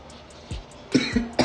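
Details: Coughing fit from a person trying a spicy mango thermogenic pre-workout supplement powder, which gave off smoke-like dust on opening.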